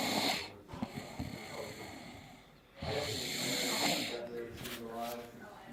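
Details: Loud snoring from a 16-year-old girl: rasping snores on breathing in, separated by a quiet gap, with hiss of room noise.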